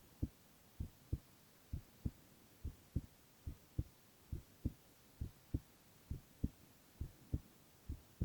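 Steady paired lub-dub heartbeats at about 67 a minute against a quiet background hum; normal heart sounds.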